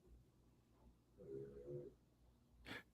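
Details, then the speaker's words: A dog snoring in the background: snoring sounds heard only occasionally from the dog. "you hear Leia snoring. I'd hear that every now and wondering what the heck was I don't hear that very often [Music] but that's the dog snoring."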